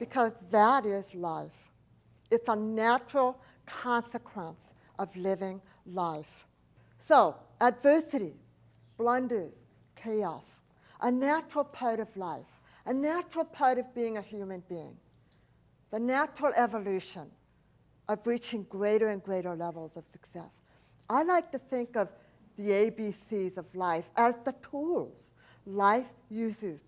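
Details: Adult woman, profoundly hearing impaired since age 4, when a 106-degree fever destroyed about two thirds of her hearing; she does not hear S, CH or T sounds and says her speech is a speech impediment, not an accent; deaf speech.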